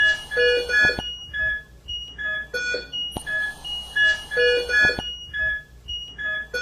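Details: Repeating, overlapping electronic alarm beeps in a recurring pattern from ventilator and monitor equipment in the ICU, for an organophosphate poisoning patient on ventilator support treated with atropine and lavage.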